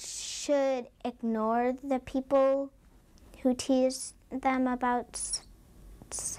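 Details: Child who stutters; stuttering.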